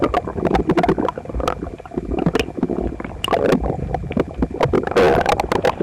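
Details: Man's stomach after a breakfast of toast, eggs and milk, visibly uncomfortable, stomach a little upset the other night; phone pressed against the abdomen records loud, continuous gurgling and rumbling with rapid bubbling bursts: very active borborygmi.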